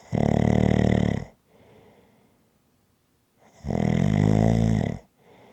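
Two loud, rattling snores on the in-breath, each about a second long, with quiet breathing out between them; ordinary snoring.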